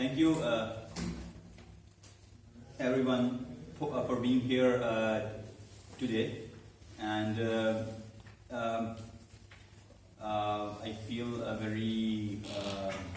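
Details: Man who stammers, in a stuttering support Toastmasters club for about eight to nine months and has learned to accept it; stuttering.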